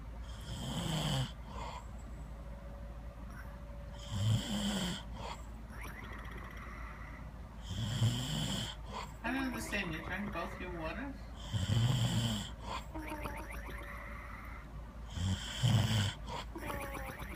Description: Funny snoring, funny snore